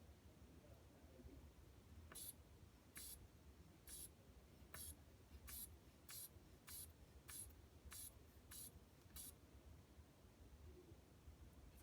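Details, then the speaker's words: Paramedic students taking a manual blood pressure: the cuff is inflated after a radial-pulse systolic estimate of 115, with about eleven regular hissing bulb puffs and valve release; the result is 118/78. "so we need to inflate the cuff until like around 160 and deflate the cuff slowly until we hear the first bit so the first bit will be the systolic number"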